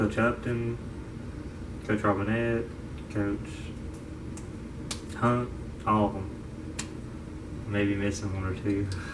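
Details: 22-year-old man diagnosed with childhood apraxia of speech at age five, affecting motor speech and fine motor skills; he reports pausing, stuttering and using wrong words: childhood apraxia of speech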